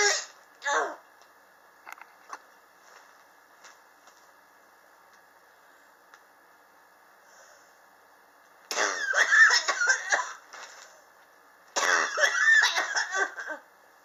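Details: Two short bouts of repeated harsh coughs plus a few isolated coughs, with room hum; chronic cough since summer 2016, still present in 2019, not helped by medicine or home remedies, which the person blames on extreme indoor temperature changes.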